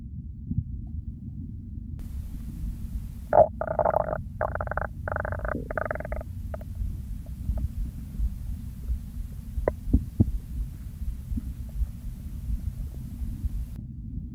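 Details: Real recording of hunger stomach growls during the hungry phase before eating: several gurgling, rumbling bursts over a few seconds, then quiet with faint clicks, normal bowel sounds (borborygmi).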